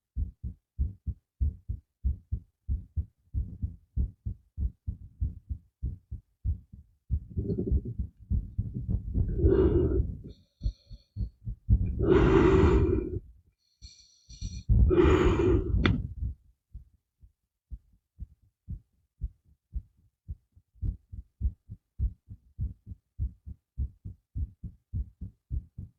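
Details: Steady, fairly quick heartbeat thumps, about 110 a minute, from an adult recorded with new microphones, briefly overlaid by a few seconds of voice; normal heartbeat.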